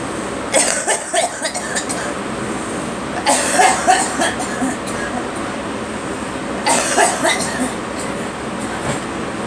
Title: Me coughing and girl